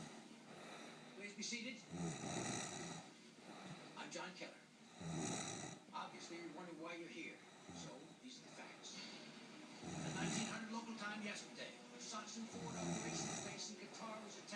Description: My husband snoring.... Aaarrrrrggggghhhh how do I stop him.